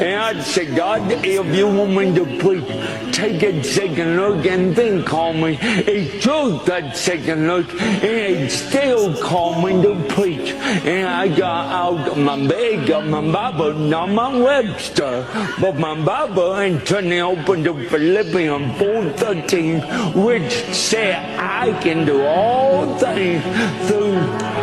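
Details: Male preacher with cerebral palsy who says people cannot understand his talking and mentions his shaky body, preaching to an audience over background music; dysarthria (cerebral palsy).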